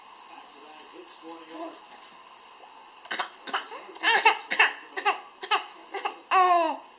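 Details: Young boy giving a rapid run of about eight short coughs ending in a voiced, laugh-like sound; coughing spell.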